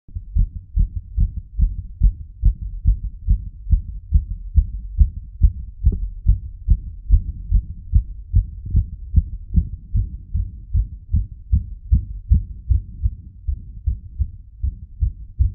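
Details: Heartbeat recorded while the person pressed on their heart using gravity: rapid, regular low thumps at about 140 beats a minute, a fast heartbeat (tachycardia).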